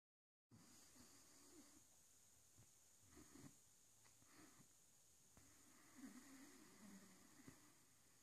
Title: Rosco the Great dane snoring 😄